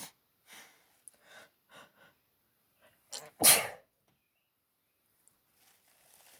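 Several small sniffs and catches, then one loud forceful sneeze in a quiet room; an allergic sneezing fit.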